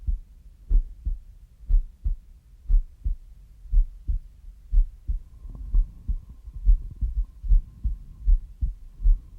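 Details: Regular low paired heart thumps at about 70 beats a minute over a faint steady background hum. Heartbeat.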